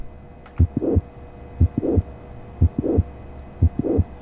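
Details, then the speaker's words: Heart sound recording, regular rate near 59/min: first sound, then a click, then a murmur starting small, rapidly increasing and fairly uniform up to the second sound; mid-systolic click with mid-to-late systolic murmur, likely mitral valve prolapse. "So this may be the first sound, this may be the click, this may be the second sound. And the intervening space, the murmur actually starts as a small thing and then rapidly increases and more or less uniform."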